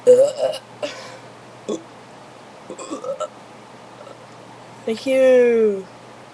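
A few short voiced belches, then one long drawn-out burp near the end in a quiet room: burping after a fizzy drink.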